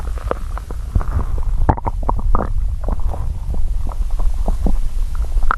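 Continuous low gurgling and rumbling with bubbly pops, typical of stomach growling from hunger.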